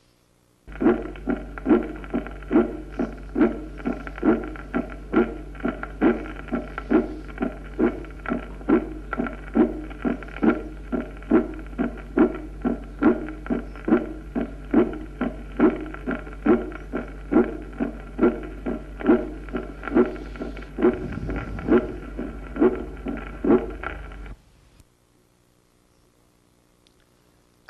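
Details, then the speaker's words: Regular heartbeat about 69 a minute with a loud, ringing, metallic, bell-like second sound over a steady hum: tambour (clangor) second heart sound in aortic dilation from arteriosclerosis, aneurysm or syphilitic aortitis. "el segundo ruido se vuelve sonoro metálico musical como tañido de campanas de ahí que se llama clangor o segundo ruido clamoroso"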